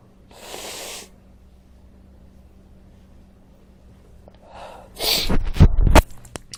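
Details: A brief sharp inhalation, then a forceful sneeze and a few short snuffling breaths in a quiet room from a person filming on a sick day, who then blows his nose; a sneeze.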